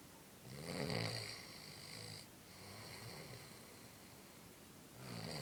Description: - Cousins Snoring -_-